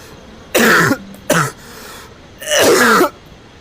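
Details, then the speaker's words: Three harsh, throaty coughs in quick succession from an adult playing a VR game, who has a persistent cough, with quiet room noise between; cough. "I think me coughing and being loud is actually attracting them cuz I'm pretty sure this game uses your mic."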